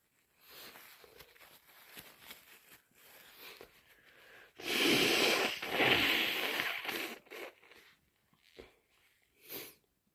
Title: Super snotty cold sniffles and blows!